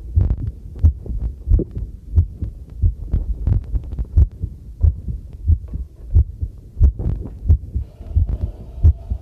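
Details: Own normal heartbeat recorded with a homemade field stethoscope microphone during housework: steady low thumps about 90 per minute, with running tap water and clinking tableware behind.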